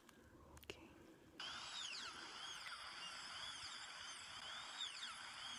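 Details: Simulated dental filling drill in an ASMR dental surgery roleplay, amalgam filling over a liner: high-pitched whining drill with rising and falling sweeps over steady room noise.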